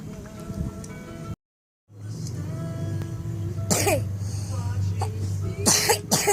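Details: Hard cough of a person said to have been sick for five days.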